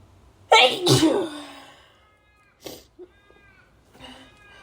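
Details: Two loud, harsh dust-triggered sneezes in quick succession from a woman, followed by a short breath and a sniff; ordinary sneezing.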